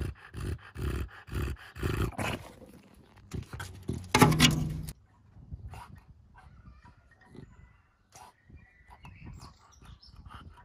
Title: English bulldog breathing | cute and funny (4K)